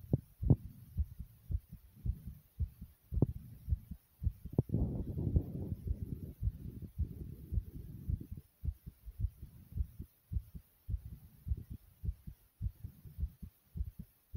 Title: My Fast Heartbeat ❤❤